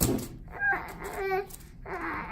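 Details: Infant recovering from RSV, with a nasty cough causing vomiting, cries in short, fussy bursts with clear voiced wails in a small room, upset after being held for a chest X-ray; the X-ray later showed no pneumonia or bronchitis.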